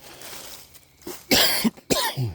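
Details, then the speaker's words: Two sharp, harsh cough bursts from an adult on an outdoor woods walk who blames allergies and a tickle in the throat, with faint outdoor background noise: cough. "man. Allergies. [clears throat] Dang. Got a tickle in the throat."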